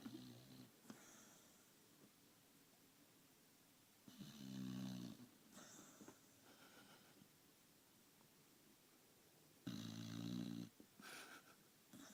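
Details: A sleeping female dog snores with low, rattling inhalations about every five to six seconds in a quiet room after a day of walking and eating.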